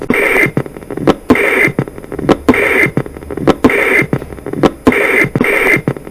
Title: Heart Sounds:Patent Ductus Arteriosus